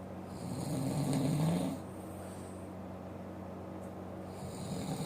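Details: Sleeping man snoring: a deep, vibrating snore on the in-breath, then a quieter out-breath.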